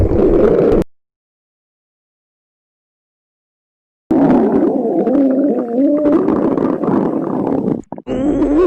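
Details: A girl: low, drawn-out gurgling and rumbling stomach growls with wavering pitch, broken by a pause; loud stomach growling (borborygmi).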